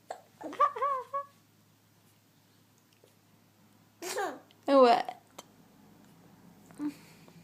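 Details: 6-month-old baby giggling, with short, sharp catches in the breath like hiccups, in a quiet room.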